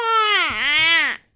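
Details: A newborn baby boy gives a single short wail, high and strongly voiced, dipping in pitch midway, then rising before stopping: newborn cry.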